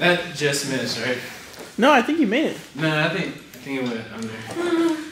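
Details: Adult speaker; Normal speech.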